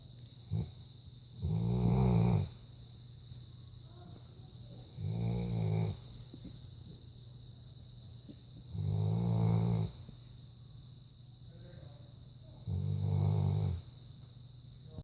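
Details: Four loud, low, rumbling snores spaced about four seconds apart, roughly 15 a minute, with steady room hum between them; snoring.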